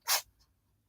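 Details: A cat sneezes in the background while an adult talks; sneeze.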